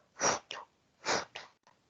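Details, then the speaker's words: Lecturer imitating by mouth, in an anatomy class, a heart murmur as heard by stethoscope: two breathy whooshes of blood flow. "Ahí ustedes escucharon un ruido de un flujo. Eso es un soplo."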